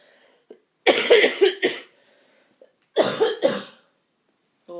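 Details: Two bouts of harsh, wet-sounding coughing, about six coughs in all, in a quiet room: an adult woman with a persistent cough having repeated coughing fits during a cold.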